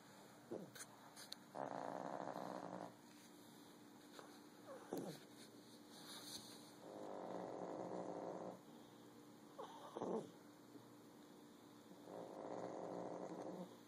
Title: Little pug, BIG snore